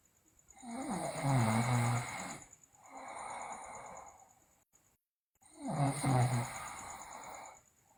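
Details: Three loud, rough, rattling breaths with low pitched tones, separated by pauses, from a sleeping girl: loud snoring; teeth grinding and delirious talk are also described.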